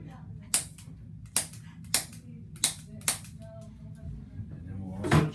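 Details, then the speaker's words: Infant chiropractic adjustment of a baby girl's spine, hips and pelvis with an Activator instrument (high velocity, very low force): five sharp, unevenly spaced snapping clicks in a quiet room. "Just the instrument's all about the Zim activator. It makes a clicking noise, high velocity, really low force."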